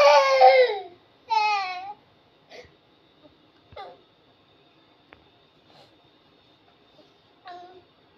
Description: baby crying sounds